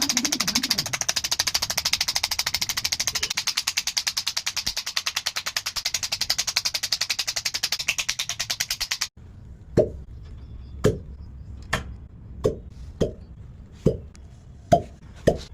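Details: Shockwave therapy device in operation during real treatment for chronic pain (groin, sciatica, lower back, cervical, muscular): rapid steady rattling taps over a hiss, then slower single thuds about once a second.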